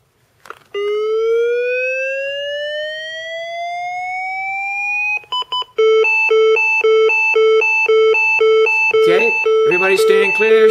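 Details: Training demonstration on a simulated patient in VF: LifePak 12 defibrillator set to 200 joules, rising charging whine then steady beeping ready alarm before shock delivery.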